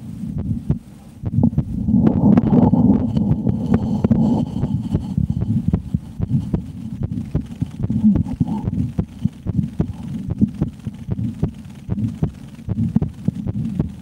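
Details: Steady, soft thumping of a normal adult woman's heartbeat through a stethoscope in an ASMR recording, with rubbing and hum over it.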